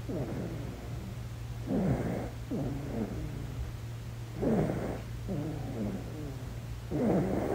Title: ASMR Baby Deep Sleep - Snoring #asmr #cutebaby #sleep #babysleep